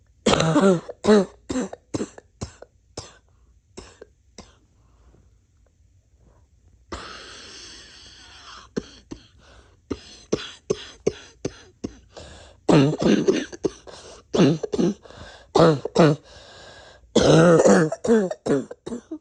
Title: Everything cough-wheezy,congested and barky